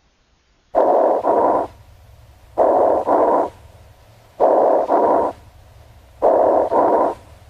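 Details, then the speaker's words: Chest auscultation of coarse bubbling rales (rhonchi), which are loud, low-pitched and prolonged: four rough breath cycles, each a doubled gust-like burst, about 33 a minute, over faint background hum. "крупно пузырчатый хрипы громкие невысокие и длительные"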